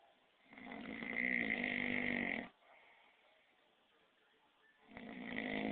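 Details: Loud rattling snore on each breath in, with quiet breathing between; snoring.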